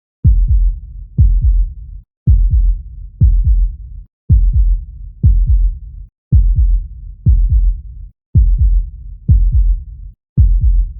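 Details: Beating heart sound recording for relaxation: steady, deep lub-dub thumps at about 60 beats a minute with brief silences between beats.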